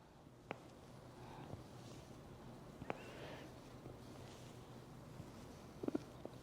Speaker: Can you hear my shoulder popping? That's not bad.